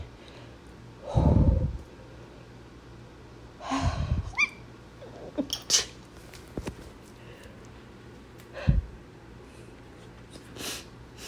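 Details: Two forceful sneezes, each led by a short intake of breath, with quieter snorts and sniffs in a faintly noisy room; the sneezer mentions allergy afterward; sneezing.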